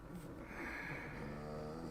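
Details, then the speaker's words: Dogs lying on the owner's lap; one, thought to be Lou, snores extra loud: a low, rumbling snore building into a steady, slightly buzzy drawn-out breath: snoring. "as we got dueling dog dogs on my lap you may hear the snoring it's extra loud today I think it's Lou"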